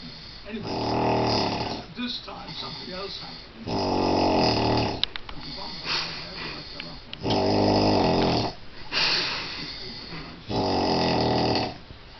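Very loud, harsh snores on each breath in, about four in twelve seconds, with quieter breathing between.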